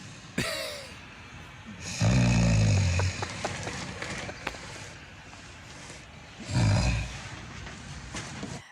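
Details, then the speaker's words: Heavy snoring from an adult partner, submitted as courtroom evidence; two loud, rough, low rumbling inspiratory snores about four to five seconds apart over quiet room noise; snoring reportedly disrupting shared sleep for about six months. "I hear the snore. Oh, you cutting wood, bro."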